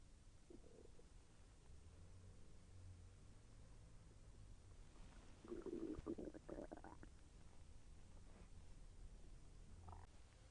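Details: Soft, irregular gurgles and rumbles with a louder bubbling burst midway over background hiss: bowel sounds (borborygmi) during digestion, as the intestine moved, which the person felt as slightly painful.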